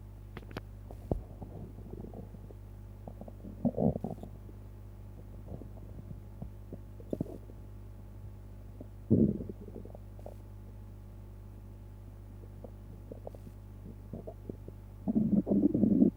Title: Stomach noises after eating pizza